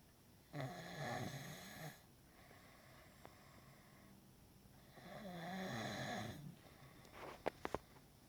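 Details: Long, rough, fluttering snores on slow breaths, with a few sharp clicks near the end; snoring during sleep.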